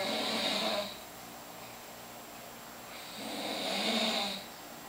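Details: Cousin sleeping very lightly, snoring gently: two soft, airy, hissing breath sounds about three seconds apart with little low rumble.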